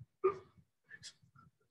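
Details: Imitated demonstration of an anxiety-related stuttering block on a feared sound, stopping tensely instead of repeating the sound, confirmed as a typical block; finding: stuttering block (imitated).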